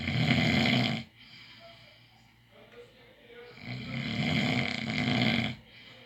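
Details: Heavy snoring: two loud, rasping snores on the in-breaths, separated by a quieter out-breath.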